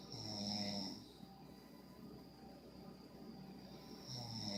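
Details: Snoring: low, rumbling snores with a faint whistle on each breath, two clear snoring breaths in a quiet room.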